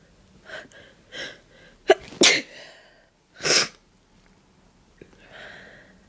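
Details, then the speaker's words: Deliberately stifled sneezes with breathy build-ups, announced beforehand: several catching build-up breaths, then two sharp, partly stifled sneezes and a soft exhale; sneezing. "I want to sneeze."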